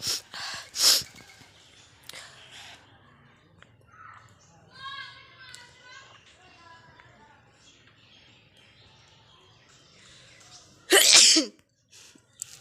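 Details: Sneezing-challenge recording: sharp explosive bursts at the start and one loud sneeze near the end, with sniffing and soft vocal sounds between; sneezing.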